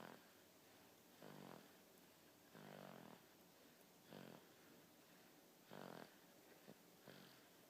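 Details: Soft, irregular snoring and snuffling bursts, several short rough breaths over about eight seconds, from a sleeping 3-month-old boy; snoring.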